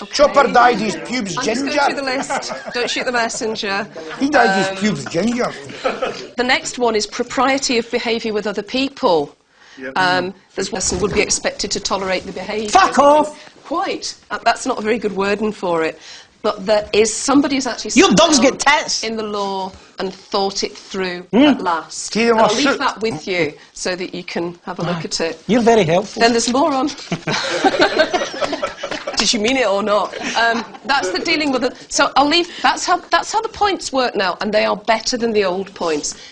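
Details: Adult female speaker, possibly with another person in conversation; normal speech.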